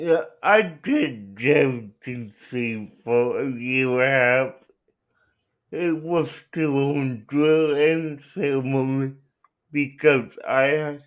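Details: Dysarthria in an adult male with cerebral palsy, answering interview questions; speech hard to understand.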